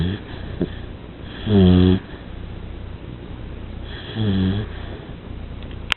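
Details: Two loud, buzzing snores on the in-breath, a few seconds apart, over steady room noise during sleep: snoring.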